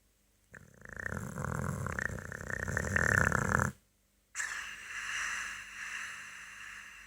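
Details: Boxer dog sleeping and snoring: a long, coarse, rattling snore on one breath, then a quieter breathy exhale.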